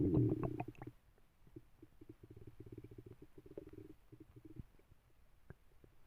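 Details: Loud stomach rumbling (borborygmi) in a sleeping female dog: low, bubbling gurgles and rumbling after a brief louder noise at the start.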